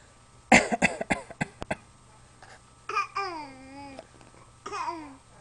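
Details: Voluntary fake cough from a child imitating a cough: a quick string of short, forced cough bursts, followed by playful voiced sounds and a laugh.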